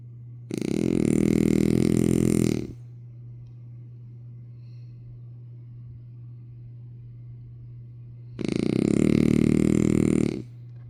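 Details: Two long, loud, rumbling snores about eight seconds apart over a steady low hum: snoring.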